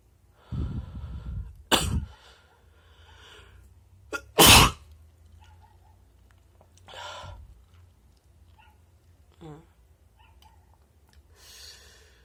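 Several forceful, wet, spraying sneezes with gasping breaths and sniffs between, then quieter breathing; repeated ordinary sneezes.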